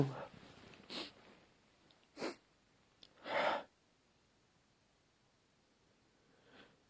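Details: Repeated sneezing: a few short explosive bursts of air, the loudest near the middle, in a quiet room.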